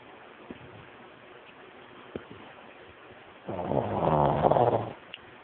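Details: Pug dog snoring at night, which he does nightly and sometimes very loudly: quiet room, then one loud, rough, rumbling snore on an in-breath lasting over a second, with faint clicks and snuffles before it.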